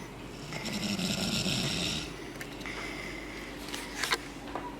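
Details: Father and young daughter, both very sick, asleep together on a couch: a long loud rattling snore, then quieter snuffling and short snorts; snoring during sleep.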